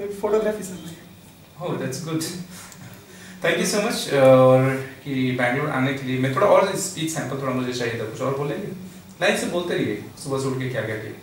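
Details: Adult male speaker in a small room; plain speech.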